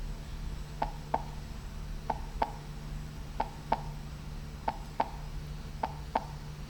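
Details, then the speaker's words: Normal heart sounds (S1 and S2): slow, regular paired heart sounds with a clear first and second sound each beat and no extra sounds or murmur. "ese es un eso es un ruido normal del corazón"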